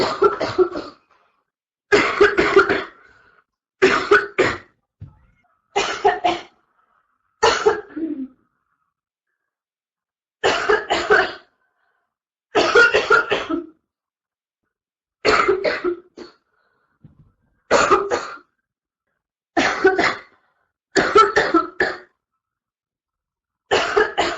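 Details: Adult woman coughing in about a dozen harsh bursts at roughly two-second intervals during a livestream, in the early stages of what became a severe chest cold.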